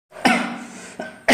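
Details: Adult vlogger who has been unwell since yesterday: a single harsh cough, then a softer second burst and the start of a third; cough.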